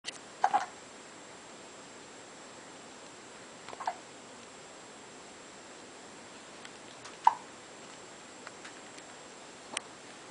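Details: Hiccups in a 3-month-old baby: soft, brief, sharp hiccups, about four in ten seconds, over faint room hiss.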